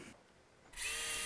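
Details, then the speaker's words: Hammertoe correction with a DynaNite PIP implant: quiet, then a sudden steady high-pitched whine as a power wire driver advances a nitinol DynaNite FlexWire across the second metatarsophalangeal joint, expanding the implant's proximal barbs. "so at this point we are going to advance the wire to expand the barbs in the proximal end of the implant across the second metatarsal phalangeal joint"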